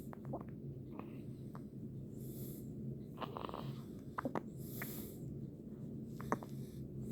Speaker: someone's got the hiccups.